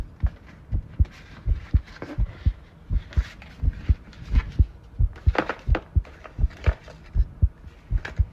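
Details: Heartbeat recorded while tidying a room, with rustling and handling noise; beats about 85 a minute with uneven spacing between them, an irregular rhythm consistent with arrhythmia.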